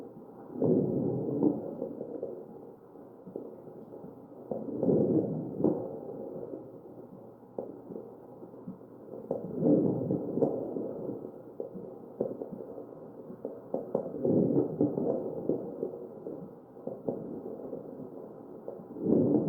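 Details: Crackles in the chest of a real ventilated patient.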